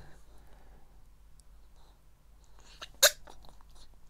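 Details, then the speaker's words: Andre sneezing, possibly from dust sniffed in a cupboard: a single short, sharp sneeze in a quiet room, followed by a few soft clicks and sniffs. "hello hello he's very Sneezy right now why are you sneezing so much it might have got some dust up his nose in fact we just been into the cupboard and he was sniffing and his it's a bit Dusty in there so I think that's what it is"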